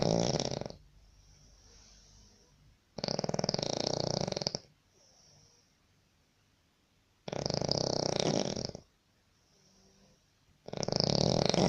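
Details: Loud, harsh snores from a Sri Lankan sleeping in a shared labour-camp room, disturbing roommates, roughly every four seconds with quiet exhalations between; ordinary snoring, about 15 breaths a minute.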